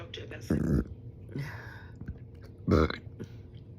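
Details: Two loud, low, wet liquidy belches with quieter hiccup-like sounds between: big hiccups and burping.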